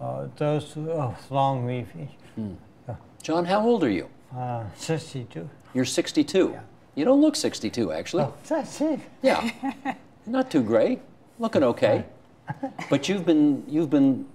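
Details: Adult male interviewer, with brief replies from a second adult; Typical speech.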